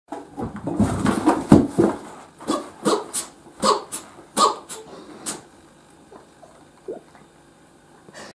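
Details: Cat sneezing repeatedly, loudly and many times in a row after pouncing on a toy mouse in its box during play, swallowing nervously at the end; repeated sneezing.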